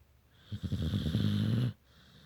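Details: Sleeping pet (female) snoring: a single low, rattling snore with a fluttering buzz that steadies into a droning tone.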